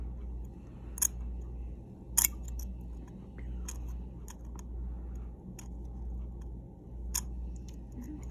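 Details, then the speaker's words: Dog dental cleaning with heavy tartar: manual subgingival scaling with a hand curette pulling calculus from under the gumline, where the ultrasonic scaler is not used. Sharp, scattered metallic scrapes and clicks over a low hum. "I'm able to like pull out deposits that are under the gum and kind of pull that loose because they're not gonna take the ultrasonic scaler up under the gum"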